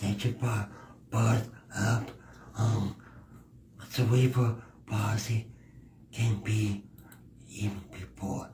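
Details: Speech impediment in a male adult podcast guest who works in disability awareness.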